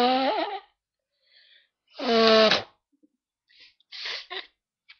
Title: a few more sneezes and blowings